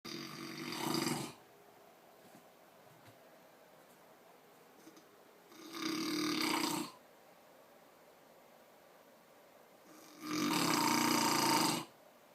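Loud, rough, rattling snores about every 4.5 seconds, roughly 13 breaths a minute, with quiet pauses between; heavy snoring during sleep.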